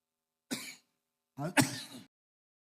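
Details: Adult speaker during a public speech gives a brief throat clear, then a harsher cough with a following clear: cough and throat clearing.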